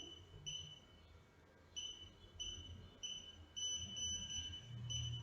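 Repeated short high electronic beeps over quiet room noise; a pulse oximeter signalling that its reading is complete.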